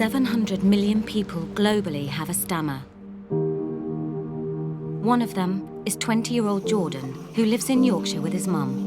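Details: Adult narrator; fluent speech.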